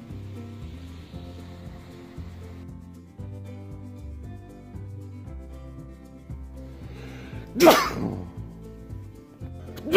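A single loud, sharp sneeze after a brief breathy intake, over steady background music.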